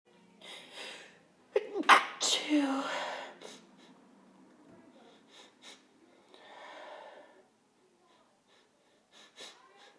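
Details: Two sharp sneezes close together from a female, each with a quick intake of breath, then softer breathing and small sounds in a quiet room.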